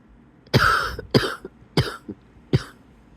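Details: Four harsh coughs in a row in bed on waking, each with a faint whistling, wheezy edge suggesting narrowed airways: wheezy cough.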